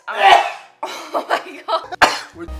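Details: Adult coughing compilation, jokingly labelled tuberculosis: several loud, harsh, nasty coughs, the first long and rasping, with a faint sound at the end.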